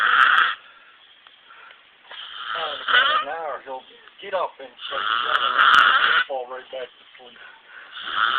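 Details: A friend snoring in a trailer, so loud that others heard it from outside and couldn't sleep: loud rattling snores alternating with quieter breathing, one every few seconds, with a vibrating, fluttery sound on the breath.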